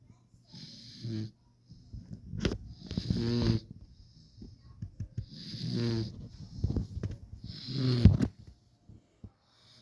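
Small, fluttering snores with snorts and soft whistles between breaths, about four breaths in ten seconds: a sleeping puppy snoring.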